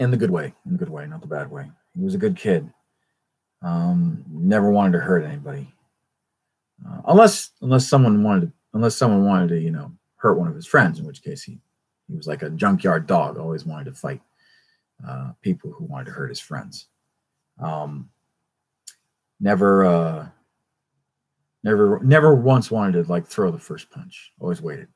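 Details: Stuttering in an adult male who attributes his constant stutter to a traumatic brain injury from a rollover car accident in England.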